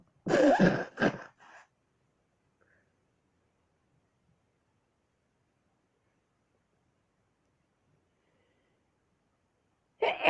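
One loud, explosive sneeze with a brief trailing burst, then quiet; another sneeze begins at the very end. Ordinary sneezing.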